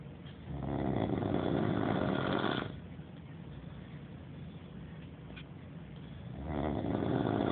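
Two long, loud, rough rattling breaths separated by a quieter pause: ordinary snoring.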